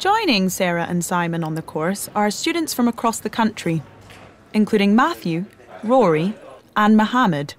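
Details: Adult female narrator; Normal fluent speech.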